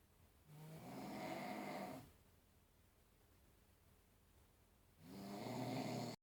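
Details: Two loud rattling snores on breathing in, with quiet breathing between, recorded around midnight in a quiet room by the snorer's wife to show how loud it is.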